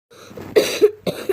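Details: After a brief low throaty sound, two short, explosive coughs about half a second apart in a quiet indoor room. Ordinary cough.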